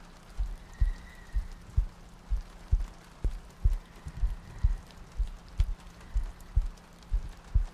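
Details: ASMR sleep-aid loop: soft low paired heartbeat thumps at about 62 per minute with faint rain-like hiss, meant to sound like lying next to a partner; heartbeat.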